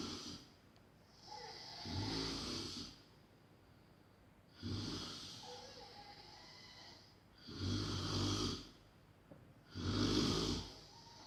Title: Snoring XXXL / Smrčanje XXXL ASMR Extreme :)